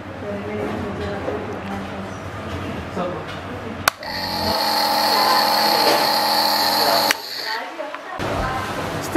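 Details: Promist nebulizer compressor switched on during an operating demonstration, with mask or nose piece attached: room noise, then a steady buzzing motor hum for about three seconds; nebulizer compressor running.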